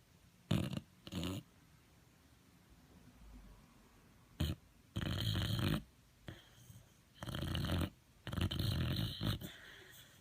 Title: Boxer snores like a man